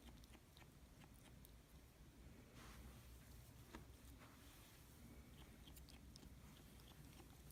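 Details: A ferret grinds its teeth with faint, irregular clicking and crunching, a sign of stress; the vet diagnosed gastroenteritis. Tooth grinding (bruxism).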